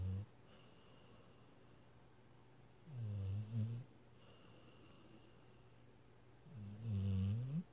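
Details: Snoring: low rumbling snores with each breath, about three in seven seconds, separated by quiet airy exhales.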